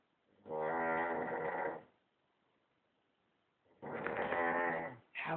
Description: This goes on for hours